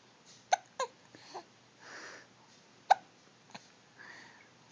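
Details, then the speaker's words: Young child with hiccups, open mouth making them louder: sharp, brief squeaky hiccup sounds, three or four over a few seconds, with soft vocal noises in a quiet room. "You're squeaking. You sound like a toy. Yeah, you sound like a toy."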